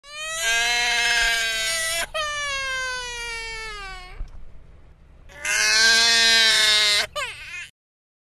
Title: Baby Crying